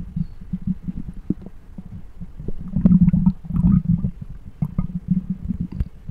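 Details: Stomach growls picked up by a microphone: continuous low gurgling and rumbling with bubbling pops, normal bowel sounds (borborygmi).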